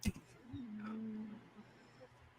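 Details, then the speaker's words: A soft thump, then one drawn-out, low, buzzing snore lasting about a second from a pug sleeping under a desk in a quiet room; snoring. "tell non tell non that for a pug her snore is not sexy but it is cute funny"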